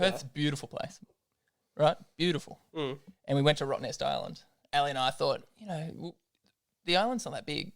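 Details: Adult speaker; normal voice.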